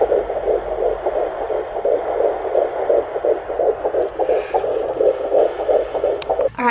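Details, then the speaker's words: Fetal heartbeat on a home Doppler at 10 weeks of an ICSI/IVF pregnancy, found centrally after earlier left-sided: rapid, regular whooshing pulses about 170 beats a minute with steady hiss. "so i will do that so you guys can listen to the baby's heartbeat I love that sound seriously"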